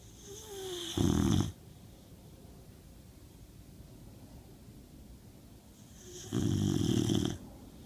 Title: Snoring Lucca...